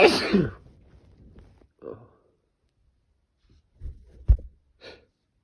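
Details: Sneezing through an N95 mask, triggered by the mask's nose pinch making the nose itch: one loud sneeze burst, then a few quieter muffled sneezes and breaths.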